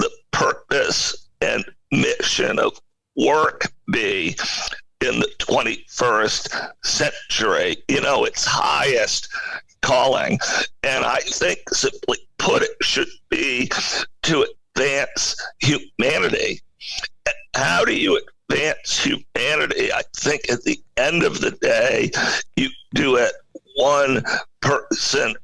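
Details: Adult man with spasmodic dysphonia, a rare neurological voice disorder affecting only speech, acquired in 2010; no known cause or cure.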